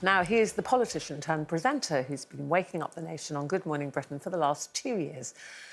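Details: Adult woman presenter; fluent speech.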